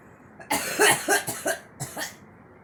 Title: girl coughing